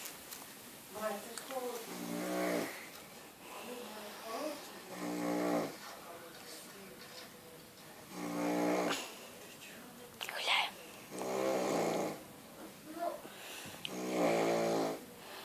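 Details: Heavy snoring: loud, rattling, buzzing snores on each in-breath about every 3 seconds, with quieter out-breaths between, about 20 breaths a minute.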